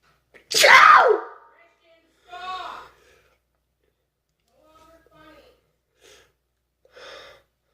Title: Loud sneeze